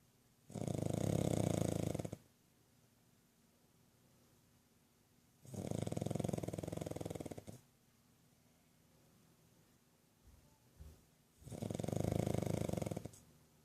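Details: Snoring from Yogi, a sleeping pug: loud, rough snores about two seconds each, three in thirteen seconds, with quiet pauses between.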